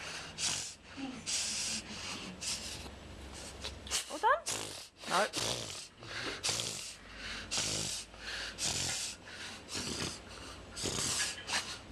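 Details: 5-month-old English bulldog, a brachycephalic breed, having an episode of rapid, repeated, loud, forced snorting inhalations through the nose. Reverse sneezing (inspiratory paroxysmal respiration).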